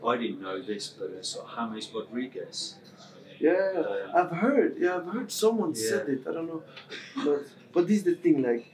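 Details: Adult male who has stammered since about age six, with severity varying from day to day; stammering.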